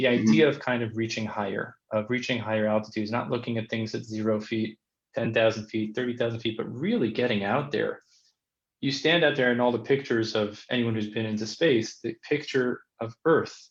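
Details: Adult male speaker; typical fluent speech.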